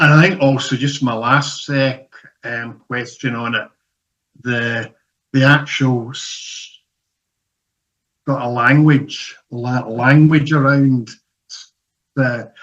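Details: Male audience member who describes himself as a person who stammers, asking a question at StutterFest 2024; stuttering.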